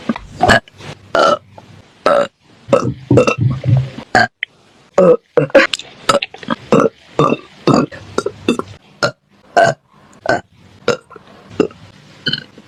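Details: Female singer burping during a livestream: many rapid, short burps in quick succession with brief pauses; repeated ordinary belching.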